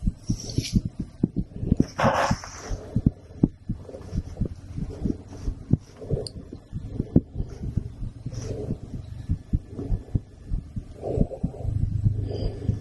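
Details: Female adult heartbeat recorded with a stethoscope after her second blood draw in a week; regular soft thumps with rustling and handling noise.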